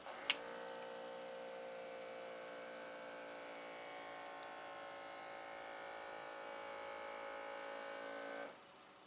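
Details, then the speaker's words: Upper-arm voice-broadcast blood pressure monitor on a seated user, arm resting on a table: a click, then a steady cuff-pump motor hum for about eight seconds, then it stops; reading 112/68 mmHg, pulse 84. "so it's going to sit here and touch this and it's gonna start please remain seated and refrain from talking during measurement"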